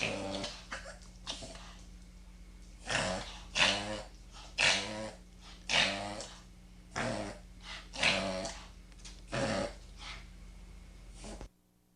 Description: This video is an excellent demonstration of the "Reverse Sneeze".